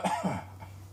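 One short, dry cough burst with a brief throat-clearing tail and a low room hum behind it.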